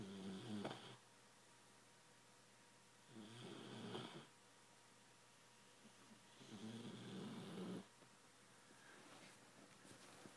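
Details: Young dog sleeping, rhythmic rasping snores with quiet pauses, about 18 breaths a minute: snoring.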